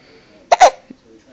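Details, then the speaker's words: An infant's hiccups, which had been going on: a single abrupt, voiced catch in the breath, then a faint small sound. "a you got hiccups oh wa I was hoping they were kind of gone you still got hiccups you got hiccups"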